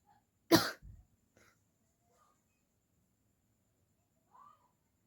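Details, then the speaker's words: A deliberate, acted cough in a coughing challenge; the woman says the fake coughing sets off real coughing and hurts her throat: one forceful cough, then a brief softer throat sound in a quiet room. "झूठ मूठ का खाते खाते ना मुझे Real में ना खासी आ जाती है और पहले वीडियो में भी यही हुआ था"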